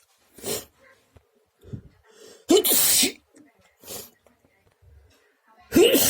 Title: Sneezing a Lot 🤧